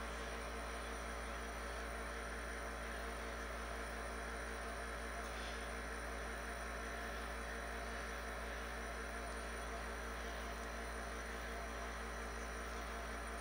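A steady, unbroken mechanical hum and hiss at constant loudness throughout, the continuous running sound of a nebulizer compressor.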